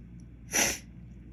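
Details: A single sharp, hissing sneeze over quiet room noise. The sneeze was triggered by white pepper spilled while cooking. An irritant sneeze.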